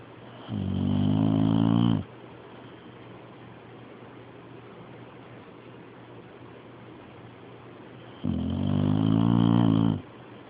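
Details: Two loud, rough, rumbling snores about six seconds apart, separated by quiet breathing: snoring.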